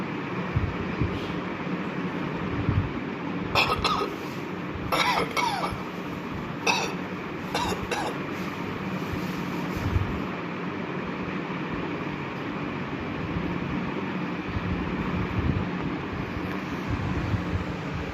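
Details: Several short, deliberate adult coughs in quick clusters over a steady low mechanical rumble, recorded for an Arduino-based cough detection project aimed at COVID-19.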